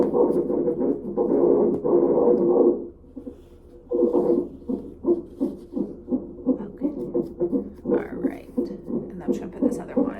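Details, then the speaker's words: Fast rhythmic whooshing pulses, roughly 170 a minute, from a fetal heart rate monitor on the belly of a mother at 34 weeks 4 days with contractions and fetal growth restriction, admitted to labor and delivery; fetal heartbeat on Doppler. "so there's two monitor pieces that I'm going to put on you one is just for baby's heart rate and then the others for contractions"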